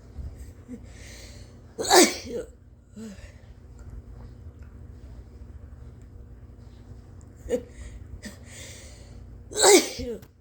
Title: More SUUUUUUUPER POWERFUL induced sneezes, with a few messy ones... 👀😱👃💦💨🤧🤢